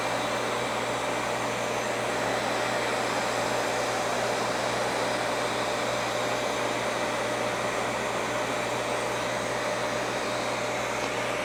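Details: Non-ablative Fraxel laser facial skin-rejuvenation treatment: steady loud rushing air with a low hum throughout from the cold-air skin-cooling unit.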